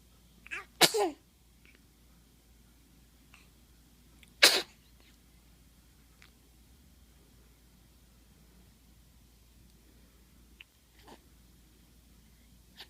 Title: is sneezing